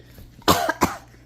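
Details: Simulated cough: an adult gives two quick, harsh coughs imitating a coughing, choking asthma fit while training a dog to fetch a rescue inhaler.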